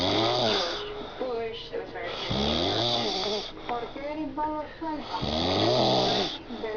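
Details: Adult man (stepfather) deeply asleep, snoring loudly: rattling snores about 21 a minute, with talking and faint music in the background.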